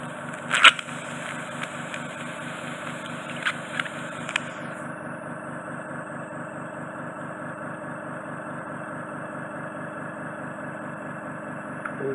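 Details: Ear wax microsuction in an adult man with fully occluding wax in the right ear and semi-occluding wax in the left: steady loud suction hiss and hum, brief clicks and crackles, pitch dropping as flow changes.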